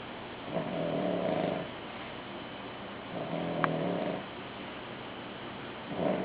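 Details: Person or animal snoring: rhythmic low buzzing snores about one second long, roughly every two and a half seconds, with quiet gaps between them.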